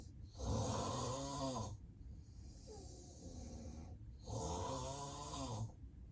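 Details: Real, unplanned daytime nap by a self-recording adult with sleep apnea and daytime sleepiness: deep snoring, heavy breathing, apnea pauses and belly movement, with snores strong enough that the feet move.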